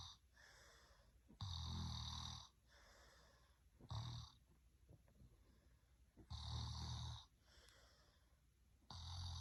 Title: Soothing snoring sounds 😴 Sleep well!